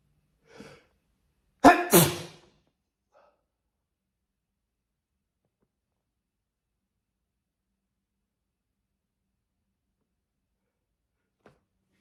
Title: More wet sneezes